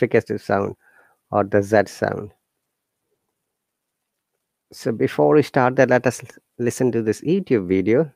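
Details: Adult male speaker; no disorder.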